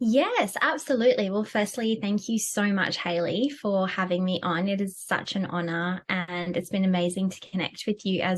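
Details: Adult woman speaking; normal speech.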